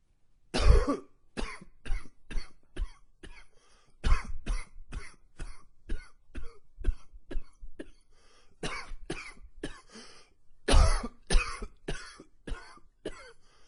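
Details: Repeated runs of harsh coughs in clustered fits, about two dozen bursts with brief pauses; wheezy extended coughing fits with slight gagging, attributed to allergies triggered by cooler fall weather.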